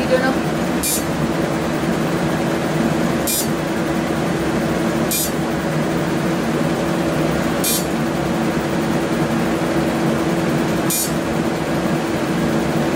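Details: 28-year-old male, first Deep FX fractional laser skin treatment: steady machine hum with brief crisp clicking bursts every two to three seconds as the laser fires.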